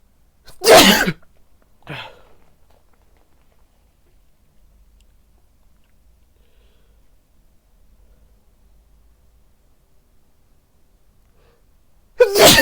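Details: Repeated sneezing from a person dressed as Santa Claus wearing a face mask and white headphones: a loud explosive sneeze, a softer follow-up sound, then another sneeze.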